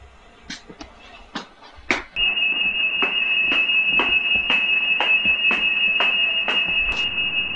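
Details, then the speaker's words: Nanny BM2 baby movement monitor alarm, triggered after 20 seconds without movement or below 8 breaths a minute: a steady high-pitched electronic tone with repeated clicking pulses, heard from a distance. "if no movement is detected the alarm will come on automat aut atically after 20 seconds as well if your baby sound you're breathing less than 8 times a minute the alarm will also go"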